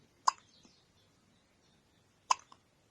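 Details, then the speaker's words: Hiccups in an infant who gets them every day: two sharp, sudden hiccups about two seconds apart in a quiet room. "good morning munchkin you're always getting the hiccups"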